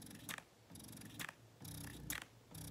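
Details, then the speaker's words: Spectra S2 electric breast pump in expression mode, vacuum stepped up from two to four: rhythmic motor whir with regular suction cycles, about three in under three seconds, speeding up as vacuum increases. "when you have the flow coming through that's when you press the button which is what I just did and you'll notice that this backflow protective pump begins moving faster we can adjust the vacuum to two and you see the increased speed this is three that's four and"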